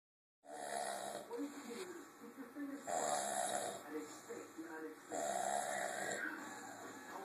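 Loud, rough, drawn-out snoring from a large ape, rising and falling with each breath.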